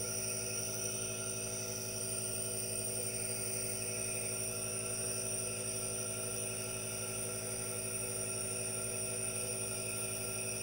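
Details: Aerosol nebulizer running during relaxation with hand movements and no talking: steady mechanical hum and hiss, continuous throughout.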